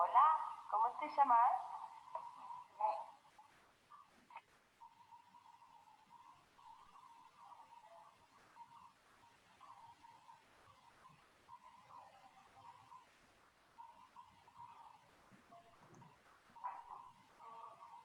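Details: Boy in stuttering therapy, who repeated first grade, stays silent for about a minute, unable to say his own name when asked; stuttering block (silent block).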